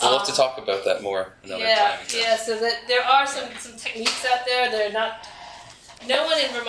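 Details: Adult man with self-reported spasmodic dysphonia, which he calls basically localized epilepsy; he links his voice problem to his years in the ski industry and a cliff fall in an extreme skiing championship that left his throat "gunked up."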